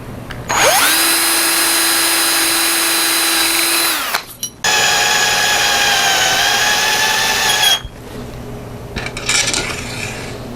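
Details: Two bursts of high-pitched power drill whine, each a few seconds long, while fixing an obliquely tilted proximal ring of a hexapod circular fixator to the tibia to correct a 60-degree hyperequinus foot contracture.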